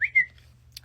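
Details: Vocal tic (whistling) mid-speech in a female college student with Tourette syndrome; she says such small tics are often preceded by a premonitory urge.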